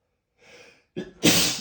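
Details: Loud, open, unstifled sneeze from a male (M) after a soft breath and sharp gasping build-up.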